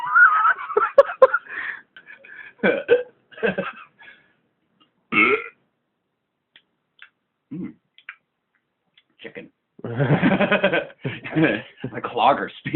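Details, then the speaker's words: Hiccups with belching, picked up by a phone mic during a playful burping session: loud, drawn-out belches alternate with several brief, abrupt voiced hiccup bursts, with pauses between them. "damn dude that sounds like a couple musical instruments you have the hiccups now"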